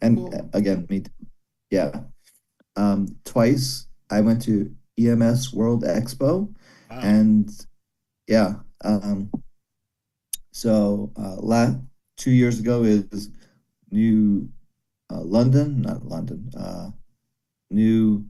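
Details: Broca's aphasia after a stroke during valve surgery in a male former paramedic, who understands speech but finds speaking very hard. He repeats one word many times.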